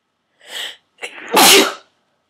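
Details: Induced sneezing (plastic garment tag holder used to trigger it) in a run of 16-17 forceful sneezes: breathy intake, short catch, then a loud forceful single sneeze; eyes streaming, nose raw and stuffy.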